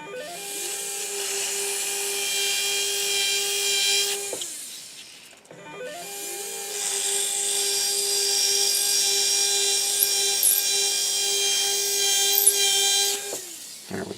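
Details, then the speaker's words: A 1.6 mm implant drill cuts to 4 mm short, then an 8 mm drill stop for a 12 mm angled implant on an upper maxillary arch, SATURNO narrow-diameter system; two sustained high-pitched motor whines. "so i'm going to switch over to my 1.6 millimeter drill right here 1.6 millimeter drill and we're gonna go down to four millimeters short"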